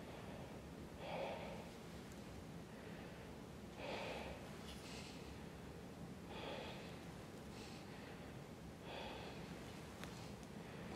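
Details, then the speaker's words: Chest auscultation during a COPD OSCE demonstration, patient breathing deeply in and out through the mouth, about four cycles: normal vesicular breath sounds, no prolonged expiration, no wheezes or crackles. "other things you can hear is it should be vascular which it was it might have a prolonged expiration his did not"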